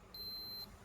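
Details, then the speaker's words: Home blood glucose meter: a single short, high electronic beep of about half a second as the meter switches on when the test strip is inserted, ready for a fingerstick reading. "طبعا بنحط الشريط كده اهو، واول ما بنحط الشريط"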